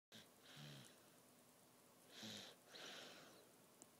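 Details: Soft, whistling, wheezy snoring over two breath cycles against low hiss; noisy breathing while sleeping at night.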